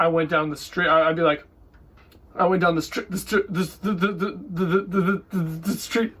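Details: Stuttering with part-word and syllable repetitions, acted by an adult woman re-enacting her never-diagnosed childhood stammer. It lasted from when she began talking until about age 8, was linked to anxiety and excitement, faded in her teens, and she no longer has it.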